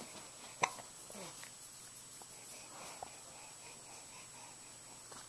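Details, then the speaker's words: Hiccups in a child who gets loud hiccups daily, recorded on a Flip Video camcorder: two brief, sharp throat catches about 2.5 seconds apart over faint room noise. "what do you have hiccups do you have hiccups yeah what are we going to do with those hiccups"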